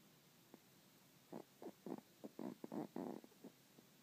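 Quiet, irregular run of short rumbling snorts and snores from a sleeping dog.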